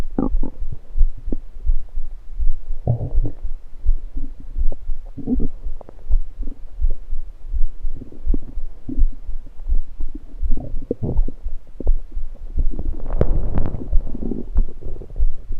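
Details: Stomach gurgling recorded after drinking soda, lying on the left side: irregular gurgles and bubbling rumbles over a low steady thumping background.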